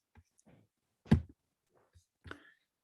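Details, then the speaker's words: Snapping scapula on shoulder examination: several dull clicks and one louder snap from the shoulder blade, clearly audible scapular crepitus. "This is the case where clearly, and I hope you can hear it, a clear audible crepitus between the scapula."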